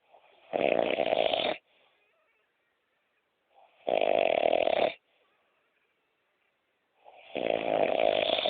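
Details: Adult woman (partner) snoring during sleep: loud, harsh, rattling snores about a second long every three seconds or so, with quiet pauses between them.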